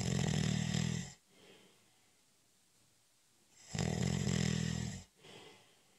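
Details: Snoring during a short, light nap (a doze): loud, low rattling snores on each in-breath, two in six seconds, with quiet out-breaths between; ordinary snoring.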